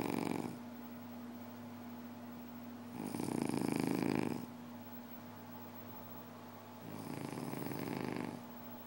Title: Somebody is snoring